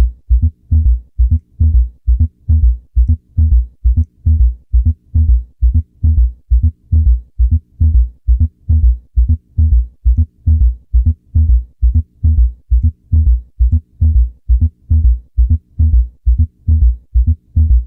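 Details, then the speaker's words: S3 and S4 gallop (quadruple rhythm) demonstrated after normal S1-S2 in a heart failure lecture: regular heart rhythm near 67 beats per minute with extra low thuds around each beat. "i did just want you to hear that normal s1s2 in the beginning and now we'll introduce s3 and s4 [Music]"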